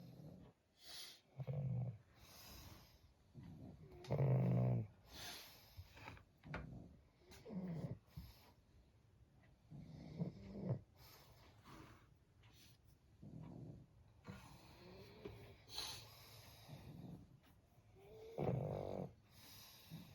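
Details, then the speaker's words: Pug snoring while sleeping instead of guarding the house: irregular low snorting and rattling snores over a quiet room background; snoring. "Tintin, Tintin, তুই নাক ডাকছিস? হুম, কিরে, তোর না ঘর পাহারা দেওয়ার কথা, শুয়ে শুয়ে নাক ডেকে যাচ্ছিস?"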